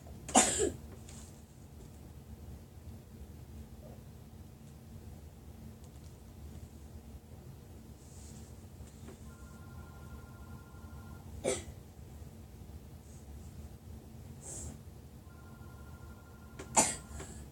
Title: I was coughing so much